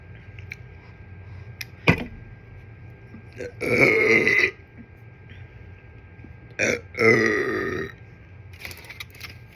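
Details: Two long, loud, rumbling belches about three seconds apart, each preceded by a short click-like sound, after eating kimchi fried rice gimbap with ginger ale: burping.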